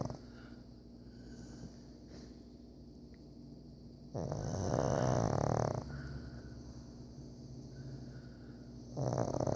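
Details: Sleeping pug snoring behind its owner: low rattling snore with one loud snorting breath, noisy airflow of a flat-faced dog.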